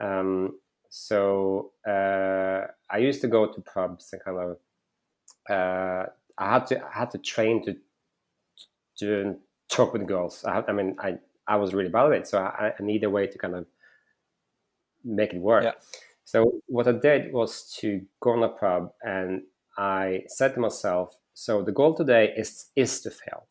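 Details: Adult male with real stuttering that he says is audible when he speaks; stuttering.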